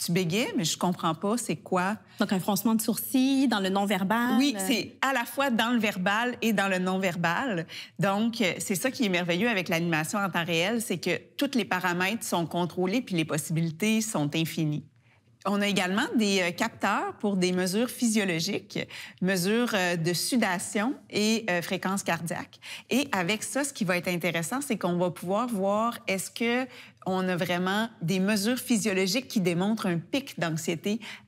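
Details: Adult woman speaking French; no speech disorder.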